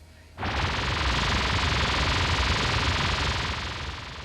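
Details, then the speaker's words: Simulated tinnitus for a TV news segment: a steady loud hiss starts abruptly and holds, illustrating what tinnitus sufferers hear. "that's what it's like for people who have tinnitus"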